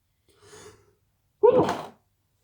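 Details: Person with a bit of the sniffles: a soft indrawn breath, then one sharp, voiced sneeze burst.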